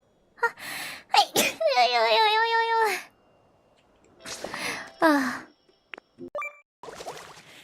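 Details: VTuber sneezing during a livestream: a sharp sneeze with a vocal 'achoo'-like sound, then a second explosive burst and brief voiced noises.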